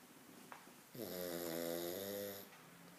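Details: Pug snoring: one long, loud, buzzing snore on an in-breath from the flat-faced dog, with quiet breathing before and after.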